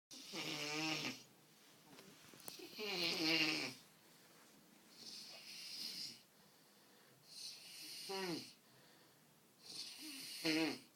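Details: Rhythmic rattling, throaty snores alternating with softer airy breaths over several cycles in a small room in Obertauern; loud snoring.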